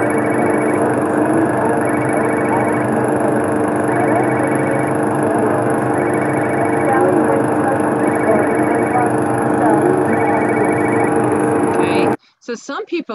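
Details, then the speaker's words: Simulated normal hearing of speech in background noise: two adult voices and a child's voice with running water, car engine, lawn mower and ringing phone; normal hearing can process this with some effort, but some people find it overwhelming. "normal hearing can process this with with some effort but there are some people with normal hearing that by the time they get all this other noise it's like oh get me out of here i can't take this sound it's overwhelming to the brain"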